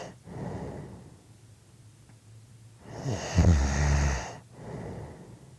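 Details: Adult snoring during sleep: heavy breathing with one loud, harsh snoring snort on a breath in; snoring.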